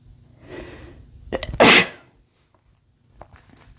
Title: cough sneezes (m)